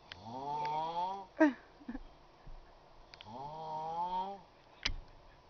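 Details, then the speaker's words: Adult man, passed out asleep at about 8:50 a.m. while hungover, snoring loudly: two long, rattling, tonal inspiratory snores a few seconds apart, with brief snorts between them. "is 8:50 in the morning 858 whatever well there is passed out he's snoring he's at the Sawmill it's pretty funny"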